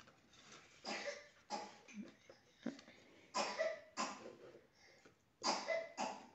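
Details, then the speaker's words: A young girl coughs repeatedly in the background of a small room, with about seven short, harsh cough bursts in irregular clusters. This is a cough. "Voilà, désolée, vous entendez ma fille tousser derrière."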